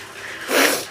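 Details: Dog coughing that day; owner suspects a hairball or allergies, with one eye looking irritated: a single short, forceful nasal burst, a sneeze.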